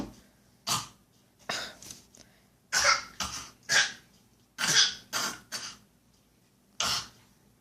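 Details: Voluntary fake cough from a child: about ten short, dry, irregular cough bursts, produced deliberately rather than a true cough.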